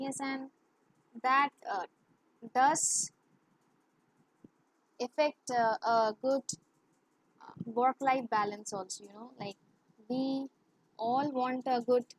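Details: Woman who has stammered since childhood, worse in English and with high-authority persons, speaking English in an interview; stuttering.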